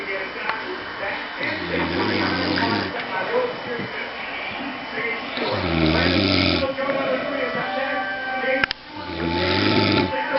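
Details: Adult man snoring: three deep, rumbling snores about every four seconds, over television talk and music.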